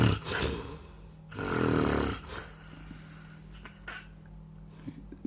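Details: Sleeping adult recorded up close near the nose: two loud, rough, rattling breath sounds in quick succession, then quieter breathing over a steady low hum; snoring.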